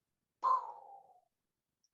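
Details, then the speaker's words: Voiced imitation of a new aortic regurgitation murmur (leaky aortic valve) in a patient with blood pressure 180/100, from a lecture case: a soft, blowing, high-frequency decrescendo sound that fades away. "love i hear a blowing high frequency decrescendo murmur of aortic regurgitation a new murmur of aortic regurgitation a leaky aortic vowel"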